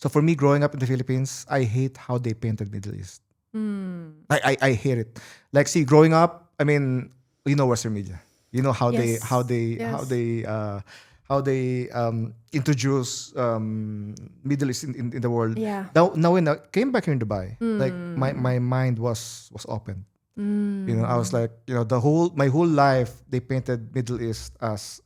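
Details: Stuttering in an adult male who says he always stutters.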